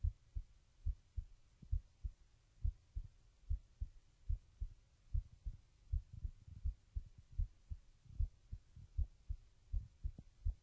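Steady, regular heartbeat of about 70 beats a minute, clear double thumps with a low hum behind.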